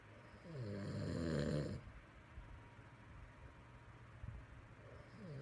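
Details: Adult man sleeping with nasal snoring: one loud, rattling snore on a breath in, then quiet breathing and room noise.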